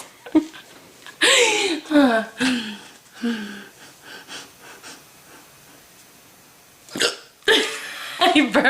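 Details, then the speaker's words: Hiccups in a girl: several loud, abrupt voiced gulps, some squeaky, separated by quiet gaps and soft talk; repeated, persistent hiccups she calls dramatic. "you still have the hiccups they're so dramatic i have dramatic hiccups"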